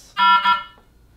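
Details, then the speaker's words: Infusion line disconnect alarm: a short two-part electronic tone from the Aquadex SmartFlow ultrafiltration system, shown in fluid overload therapy troubleshooting training. "for infusion line disconnect read interventions for infusion line intervention double clamp blue and white lines together press run count to ten open circuit clamps together therapy should resume"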